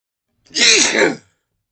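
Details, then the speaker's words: A single forceful sneeze from a man, under a second long, with a sharp hissing burst of air and a brief vocal note; it was set off by sniffing a substance that burned his nose. "Oh yeah, it's gonna make me sneeze. Oh God. Oh, it's burning. I want to sneeze so bad. Oh, that was a big sneeze."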